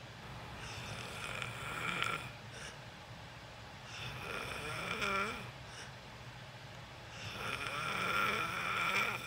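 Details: Loud snoring during sleep in a self-recorded sleep video: three loud, rattling breaths in about nine seconds with quieter pauses between them; ordinary snoring.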